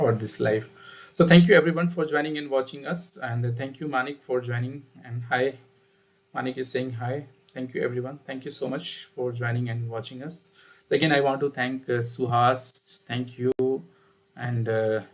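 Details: Adult man speaking; typical adult male voice.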